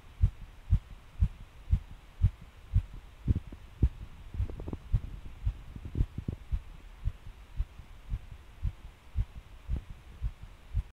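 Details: Palpitations recorded at onset, with a felt sudden pace change and hard thumping: fast heartbeat near 113 a minute, with a brief cluster of closely spaced, uneven beats partway through; irregular fast heartbeat.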